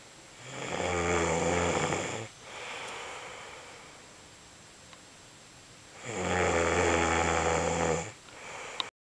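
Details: Snoring: two long, loud, buzzing inhaled snores about six seconds apart, each followed by a softer breath out; steady snoring.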